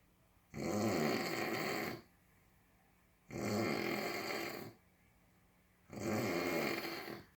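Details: Three long, rough, rattling breaths in a steady rhythm, about 22 a minute, with quiet pauses between; snoring.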